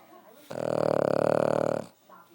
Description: Jake, our 6 year old Pug, snoring...